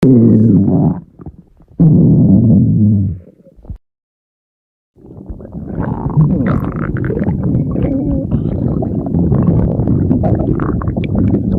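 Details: Loud low rumbling and gurgling growls with a brief silent gap; ordinary stomach growling (borborygmi).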